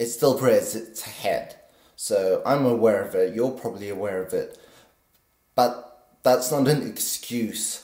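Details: 50-year-old man with essential tremor since birth, very pronounced in his voice; deep brain stimulation at age 24 helps stabilize it but is not a cure; essential voice tremor.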